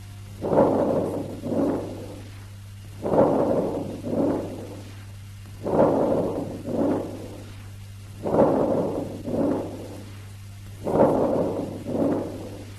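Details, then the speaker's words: Harsh vesicular breath sounds: loud, coarse breathing with audible expiration, about 23 breaths a minute; teaching recording revising breath sounds. "At this stage, let us revise the various breath sounds that we have heard. Vesicular breath sounds. Harsh vesicular breath sounds."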